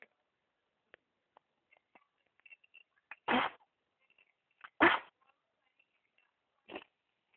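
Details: Run of sneezes: three short explosive bursts, each preceded by a quick intake of breath.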